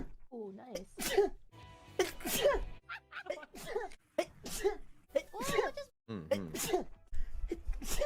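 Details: Rapid series of short, voiced sneeze bursts from a streamer, about ten in eight seconds, run together with vocal sounds over background music.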